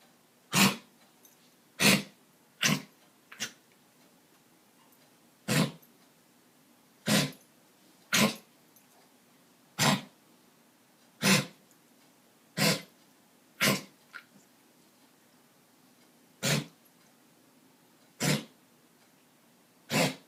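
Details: Dog coughing, about fourteen short, harsh coughs spaced irregularly over twenty seconds; owner wonders if it is kennel cough.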